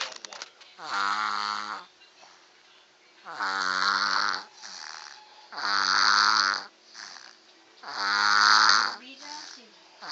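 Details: A baby snoring: rhythmic, fluttering snoring sounds on each breath in, about 26 breaths a minute, with quiet breaths out between them.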